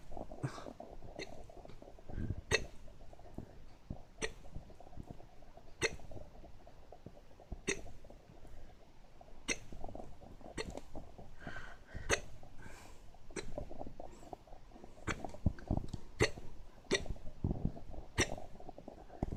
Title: Hiccups again